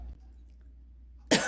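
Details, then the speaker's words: Woman about one month after COVID-19 (onset around 7 September, recorded 1 October), lingering cough she attributes to weak bronchi, much improved, after 2–3 weeks of medication; quiet, then a single dry cough; post-COVID cough. "어 공기가 지나가면 안 되는데 지나가는 곳을 지나가서 어쩔 수 없이 기침을 해야 되는 그런 느낌 많이 좋아졌는데음"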